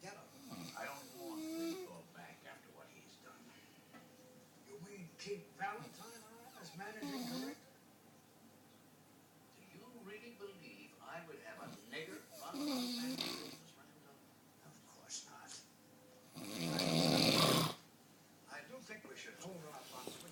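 Rough, rattling snores on repeated breaths, about four over twenty seconds, in a quiet room; snoring.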